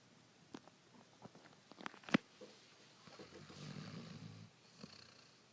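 Low, rumbling snore-like breathing from a sleeping dog, with a few clicks and faint room noise.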